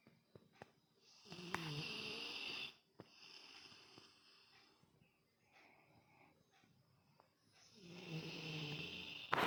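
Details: Two long, rough, rattling snoring breaths separated by a quiet pause, with soft clicks between; snoring during sleep.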